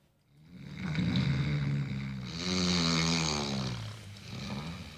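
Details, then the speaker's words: Ordinary heavy snoring: loud, low rattling snore sustained over the breath, with a vibrating throat tone rising and falling. "wer selber schnarcht schläft dabei gut ganz anders sieht es aber für diejenigen aus die neben einem Schnarcher um ihren Schlaf kämpfen das Geräusch ist nervtötend und durchdringt jeden Gehörschutz"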